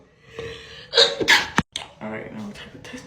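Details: Sneezing set off by a self-administered nasal swab for a COVID-19 test: sharp sneeze bursts with a gasp between them, then a laugh, faint background music.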